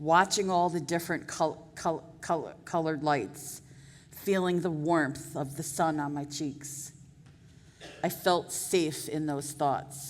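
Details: Adult woman who stutters, formerly a covert stutterer for years; audible part-word repetitions; stuttering.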